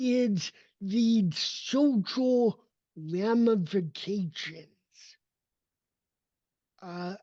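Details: Adult male with cerebral palsy whose speech did not develop until age seven, after extensive speech therapy, and still needs ongoing training; real speech; dysarthria (cerebral palsy).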